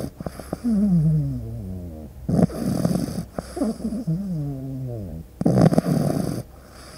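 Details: Pug puppy snoring in sleep: rattling, whistling snores with wavering pitch on each breath, about nine breaths a minute, ordinary snoring in a flat-faced puppy.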